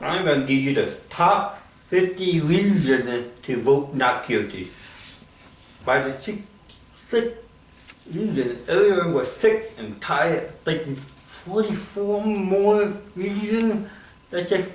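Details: Adult man with cerebral palsy performing comedy in English: dysarthria (cerebral palsy).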